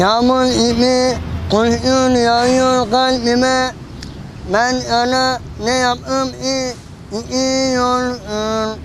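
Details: 46-year-old man singing, with a speech disorder from a congenital cleft palate that was surgically repaired with a platinum plate placed in the palate; cleft palate speech.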